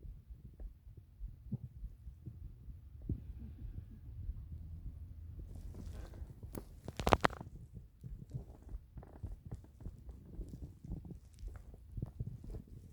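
Ongoing low rumbling and gurgling with a louder burst of squeaky gurgles midway; ordinary stomach growling.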